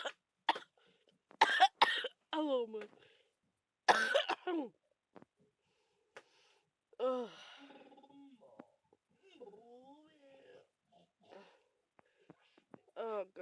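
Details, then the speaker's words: A person who feels very ill with a bad cough and cold gives several harsh, loose coughs and throat clearing, then a groaning, strained voice; repeated coughing. "I'm sorry guys, but I feel so ill. You might not know why I'm like this. It's because I still have the bad cough and colds again."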